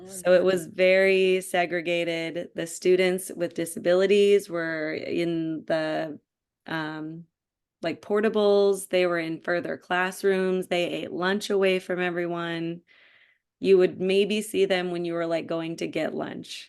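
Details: Adult woman speaking; typical speech.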